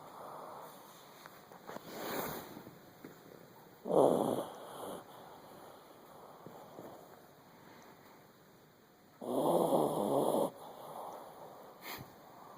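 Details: Miniature pinscher asleep: two loud rough breathing bursts with softer snuffly breaths between; snoring.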